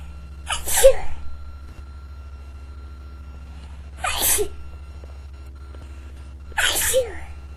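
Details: Adult sneezing into a tissue: three separate sharp, muffled sneezes spaced a few seconds apart.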